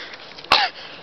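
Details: Single short, sharp cough from an adult woman during trailer filming, against quiet room noise; cough.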